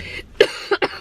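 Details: An adult woman who has a bad voice gives three short, sharp coughs in quick succession over faint room noise; cough.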